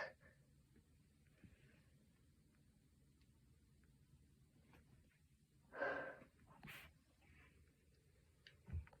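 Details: Sneeze after a week of illness or allergies: quiet breathing with small sniffs, then one short, sharp sneeze followed by a snort.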